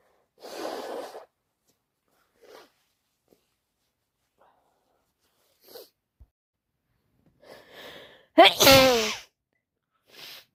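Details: Sniffs and short breaths build to one loud wet sneeze near the end; wet, snotty sneezing with a head cold.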